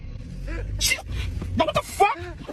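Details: A single acted sneeze on a boyfriend, a sharp hissing burst, followed by brief voices in a noisy room.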